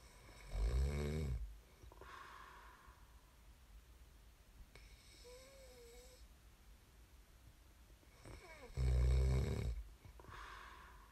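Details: Snoring recording made as sleep ASMR: two loud, low, rattling inspiratory snores about eight seconds apart, with quiet breathing between; ordinary sleep snoring.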